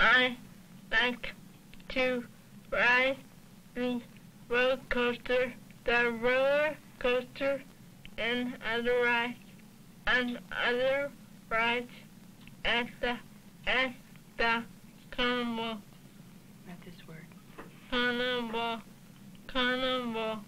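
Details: Child with hearing loss attending a summer speech clinic, learning lip reading and working on final sounds and the D and G sounds; speech of a child with hearing loss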